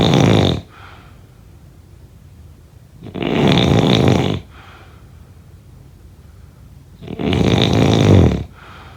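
Loud, rough, vibrating snores on each breath, about 15 breaths a minute, with quieter outflow between; snoring.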